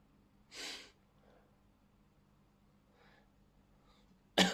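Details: Sneezes triggered by Chhinkni sneeze powder: two abrupt, hissing bursts, the second louder and sharper, with faint breaths between in a quiet room.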